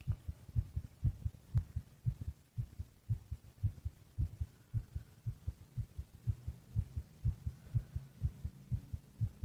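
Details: Normal resting heartbeat: steady, low, paired thumps at roughly 60 beats a minute over a faint background hum.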